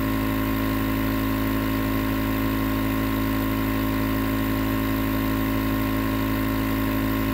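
Steady loud mechanical hum and hiss with fast, even pulsing, a nebulizer compressor running continuously.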